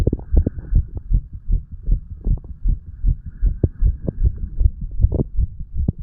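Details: Rapid, regular heartbeat at roughly 150 a minute over a steady low hum, recorded from a 35-year-old under the influence of medical marijuana and tobacco.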